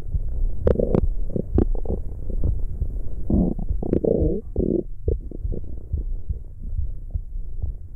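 Low, irregular gurgling and rumbling with bubbly squeaks and pops, typical of stomach growling from gas and fluid moving through the gut.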